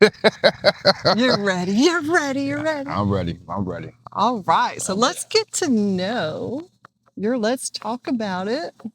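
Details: Adult speakers in conversation; normal speech.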